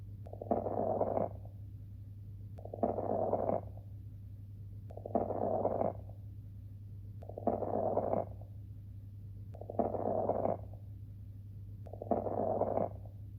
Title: Ran nổ - Fine crackles - Ráles crepitants